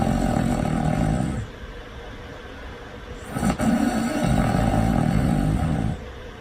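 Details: Loud snoring in deep sleep: two long, loud, deep rumbling snores with a rough, roaring quality, separated by a quieter out-breath.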